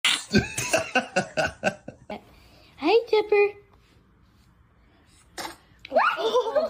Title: Cutest Baby Sneezes (Too Cute!) 🥺 #cute #trending #baby #funnybabies #funny